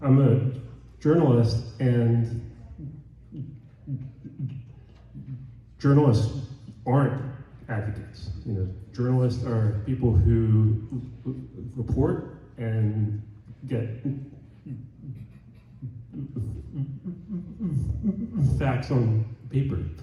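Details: Adult man, a journalist who stutters, speaking on a stuttering convention panel; stuttering.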